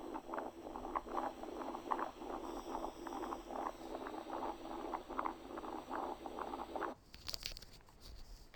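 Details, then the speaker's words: Stethoscope diaphragm at the left infraclavicular area: continuous rumbling murmur swelling with each beat, the machinery murmur of patent ductus arteriosus. "الكيس الرابعة دي سهلة جدا وحل نفسها left infraclavicular area، خلاص ديت BDA machinery murmur."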